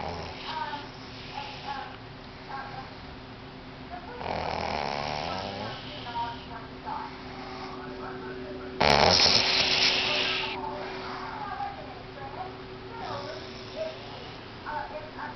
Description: My sister snoring and it sounds like a fart...you may have to turn it up